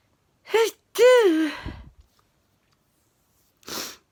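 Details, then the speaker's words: Sneezing fit that began just before bed while putting things away; a sharp rising intake, then a loud voiced sneeze and a short breathy exhale; sneezing. "t before bed i would start sneezing again uh i'd nearly nearly finished putting everything away i was just about to turn the lights off to go to bed started sneezing"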